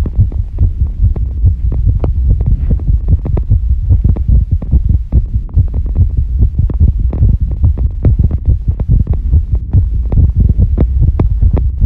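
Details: Female heartbeat after squats, during recovery: fast, regular low thumps near 140 a minute with a steady hum, a quick but normal heartbeat after exertion.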